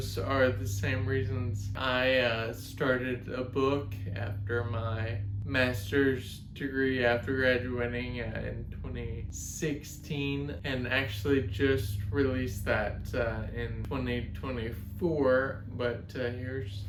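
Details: 32-year-old man with Friedreich's ataxia, a genetic degenerative neuromuscular disorder, speech affected since his mid-20s: ataxic dysarthria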